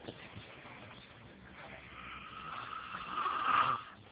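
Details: Father snoring in sleep, recorded by his child on an Android phone: a single harsh, rasping breath sound builds in loudness then cuts off; a snore.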